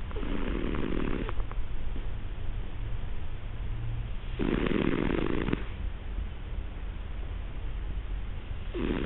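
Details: Snoring in a sleeping Siamese cat, partially sighted and hard of hearing, said to have no medical cause: loud, low, rattling breaths every few seconds, a steady rumbling snore.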